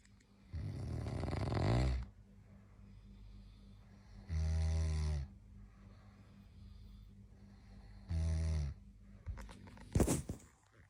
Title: Snoring friends in the middle of the night makes you awake